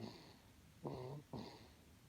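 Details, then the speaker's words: Sleeping baby snoring after feeding, with short, low rattling snores, three in about two seconds, in a quiet room. "这个视频主要就是让你们听一下这个呼噜声。"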